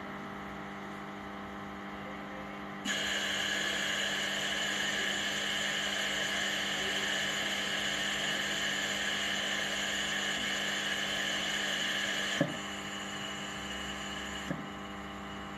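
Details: Bennett 840 ventilator running its short self test (SST) of ventilator, tubing and filter before attaching to a patient: steady hum and whirring rising for about ten seconds with a couple of soft clicks; ventilator self-test running.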